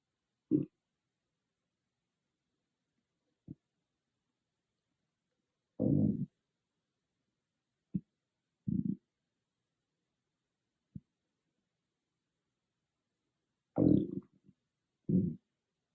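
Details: Stomach growling recorded with an iPhone microphone, no special microphone: intermittent low gurgling rumbles and brief pops from the belly in a quiet room; ordinary bowel sounds.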